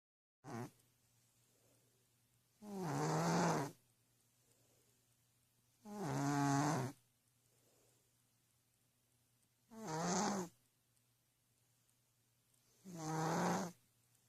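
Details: Cat snoring, poor-quality recording: regular rattling snores with each breath, about 18 a minute, separated by quiet pauses over a steady background hum.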